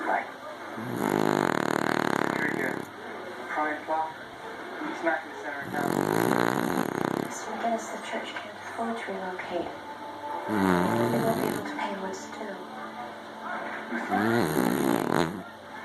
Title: Pookie Snoring